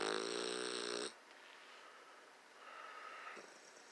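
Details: Sleeping bulldog snoring: one loud, buzzy, rattling snore on the in-breath, then quieter noisy breathing.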